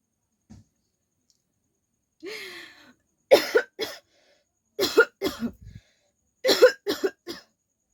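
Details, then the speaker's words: Throat clear followed by three short bursts of two to three dry coughs each; voluntary coughing in a coughing challenge, presented as real coughing. "और start करने से पहले मुझे खासी आ रहा है तो चलिए गाइस"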